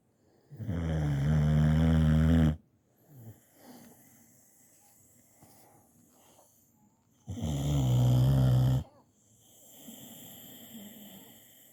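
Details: Two long, loud, rattling snores about five seconds apart, with quieter breathing between them; snoring in a sleeping dog.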